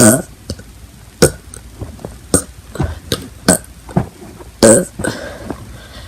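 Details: Repeated burping: a run of short, abrupt throat bursts, about eight in six seconds, some low and resonant.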